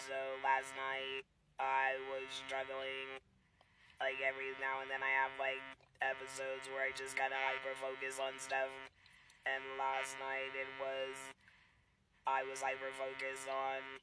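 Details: Mother who had a laryngectomy after a cancer diagnosis, speaking method not stated: alaryngeal speech after laryngectomy.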